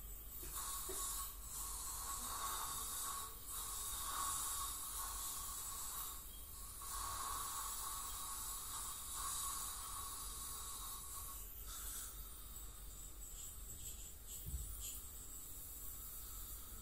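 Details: Ultrasonic scaling by a dental hygienist on a patient with heavy plaque and tartar, possibly gingival inflammation or full-mouth debridement: steady hissing spray and suction noise with a faint high whine.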